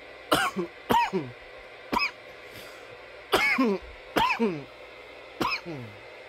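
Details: From nearly 10 minutes of coughing: seven short, harsh coughs in irregular bursts over about six seconds, some in quick pairs.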